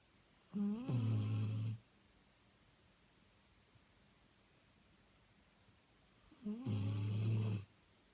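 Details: Snoring: two loud, low, rattling snores roughly six seconds apart, with quiet breathing between them in a still room.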